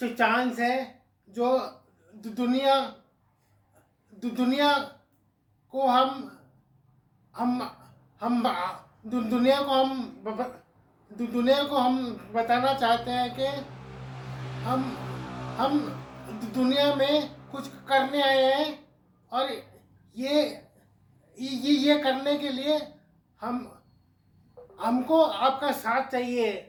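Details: Adult man with cerebral palsy; dysarthria due to cerebral palsy.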